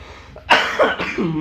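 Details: Adult man coughing after smoking a strong, heavy-draw cigarette, describing his throat as feeling scratched: a single harsh cough followed by a throaty clearing sound.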